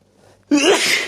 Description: lots of sneezing due to allergies 🤧🤧🤧💨